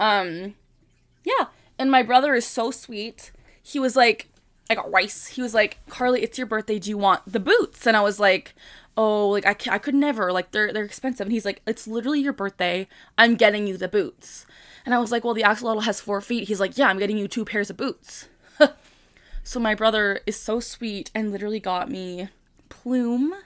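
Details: Vocal tic in a 25-year-old woman with Tourette syndrome, a phrase interjected mid-speech; vocal tic (Tourette syndrome).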